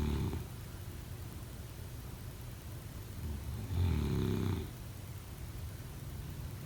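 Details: A single rattling snore rising out of steady low rumbling background noise; snoring.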